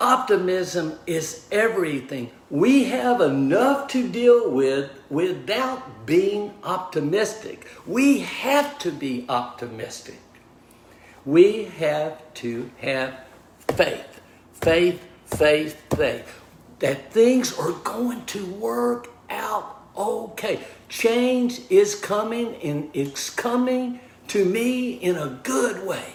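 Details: Man with post-stroke aphasia diagnosed 26 months earlier; initially unable to talk and relearned speech from scratch; reports slowing himself down to avoid slurring words; aphasia.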